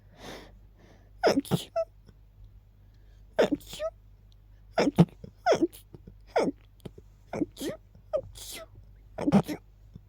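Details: Rapid run of about a dozen sharp sneezes, some paired, with short gasping buildups between, after smelling lilies and keeping them nearby; repeated sneezing.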